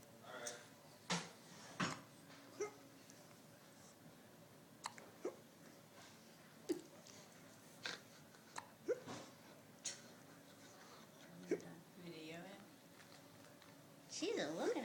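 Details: Infant girl held by her grandfather, with persistent hiccups: about ten short, sharp catches of breath at irregular intervals, with faint adult talk behind.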